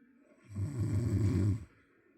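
A single loud, low, rattling snore lasting about a second on an in-breath, against a quiet room.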